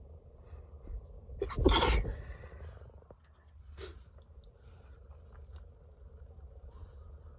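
A stifled sneeze burst followed by a smaller muffled one over low background rumble; suppressed sneezing linked to allergy.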